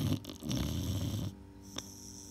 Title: Snoring dog